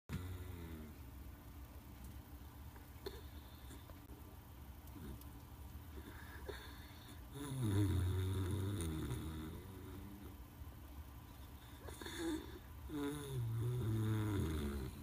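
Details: 14-year-old miniature dachshund asleep with its head resting on a chair leg: low rumbling snores, a few breaths a minute, over steady room noise; ordinary snoring.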